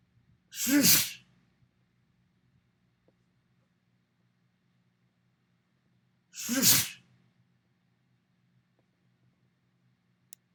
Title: Compilation of Mirror Sneezes